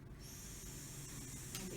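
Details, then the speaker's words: Nebulizer air compressor with mouthpiece running during a training patient assessment of a patient diagnosed with step three asthma who showed nasal flaring and accessory muscle use; steady motor hum with high hiss of mist, a brief puff near the end. "all right plug it into our air compressor here you just put your mouth around the mouthpiece there"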